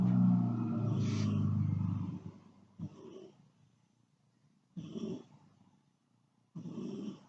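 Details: Snoring while asleep: a long low rumbling breath, then short snuffling breaths about every two seconds in a quiet room; snoring.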